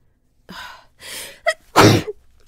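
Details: Woman sneezing while talking about music: a sharp inward gasp, then a loud explosive sneeze in a quiet room.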